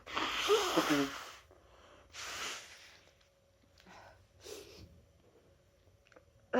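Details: Loud explosive sneeze followed by softer breathy bursts and sniffs in a quiet room, from a person with their annual cold who had held in sneezes at work all day.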